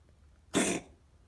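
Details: Cat with a slowly resolving cold; X-ray looked OK; later lung specimen showed Mycoplasma felis infection, and the cough resolved on doxycycline. A single short, harsh, airy cough burst about a quarter second long.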